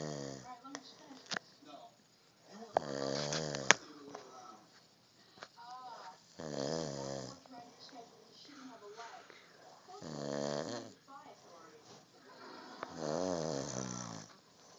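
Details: Man snoring (says he never snores): four loud, buzzing snores roughly every 3.5 seconds, about 17 a minute, with quiet breaths between; ordinary snoring.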